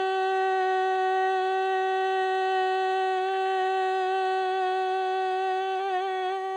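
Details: Female larynx filmed by laryngoscopy during normal phonation; normal female phonation.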